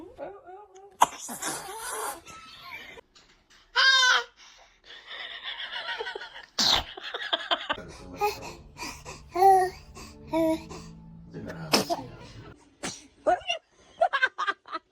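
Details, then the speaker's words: A newborn baby sneezing: a few small, sharp infant sneezes among adult laughter, chatter and "bless you"s. "Baby is a dramatic sneezer check."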